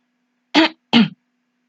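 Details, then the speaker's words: Acted demonstration by an actor: two short, rough throat-clearing bursts, clearing a tickle in the throat. "you just got a little tickle in the throat you're just trying to clear it there"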